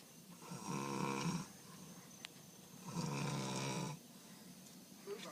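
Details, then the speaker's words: Adult man, a friend who claims he never snores, recorded asleep: two loud, drawn-out rumbling inspiratory snores about two seconds apart with quiet room noise between; heavy snoring. "You are snoring your ass off. Dude, I told you it was all you snoring."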